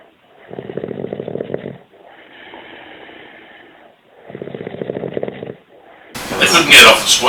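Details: Adult man snoring while asleep on a group tour with shared rooms: rough, rattling snores on each breath in, with quieter breaths out, then a burst of loud noise at the end; snoring.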